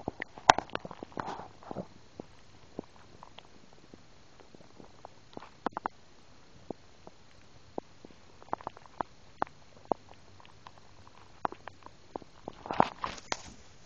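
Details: 11-year-old girl after a large birthday meal of steak and pizza: scattered gurgles and clicks with a few louder rumbling bursts; active bowel sounds.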